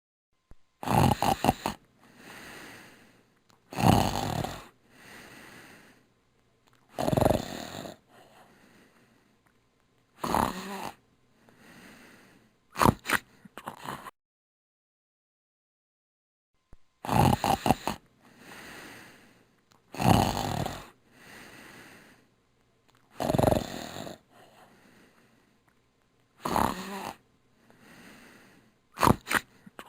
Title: Snoring Sound Effect